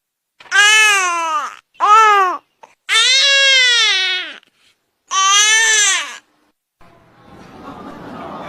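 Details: Infant tired cry.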